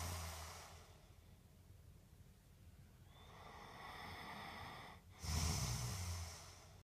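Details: Snoring in a recording about an anti-snoring mouth guard: rough, rumbling breaths in and out with a louder snorting inhale near the end.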